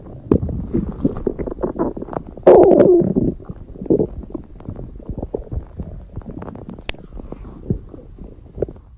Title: stomach growling (hololive)